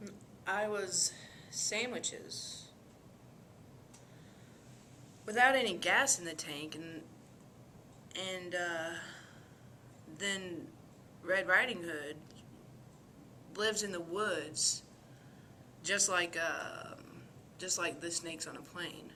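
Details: Acted example of disorganized speech with flight of ideas, as associated with dementia, delirium, schizophrenia and substance abuse.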